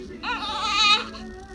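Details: Newborn boy a few weeks old during his first chiropractic spinal adjustment: a single high, wavering cry lasting under a second over background music; ordinary infant crying.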